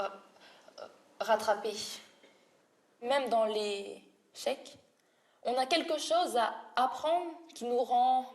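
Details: Woman, a French triathlete, who has stuttered since early childhood; real speech showing stuttering.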